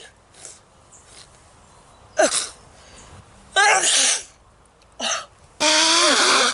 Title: allergy sneezing attack